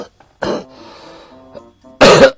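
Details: Two harsh, loud coughs over soft music from an adult who says he has pneumonia, wheezing since yesterday, unsure whether asthma or pneumonia; cough with pneumonia.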